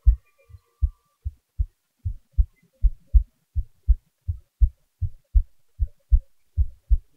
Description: Well I figured out how to get the sound up so you can hear my heartbeat better this time.